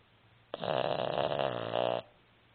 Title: Otis the Pug Snoring